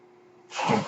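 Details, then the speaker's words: The speaker's own mechanical ventilator during podcast speech: a low steady hum giving way to a sudden loud rush of air, a single ventilator breath. "my name is that noise one ventilator and thank you for tuning in"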